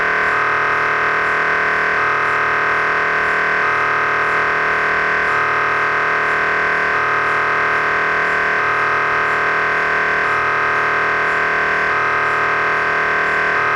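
Loud, continuous electronic droning with a rhythmic pulsing pattern repeating every couple of seconds: an MRI scanner running a sequence.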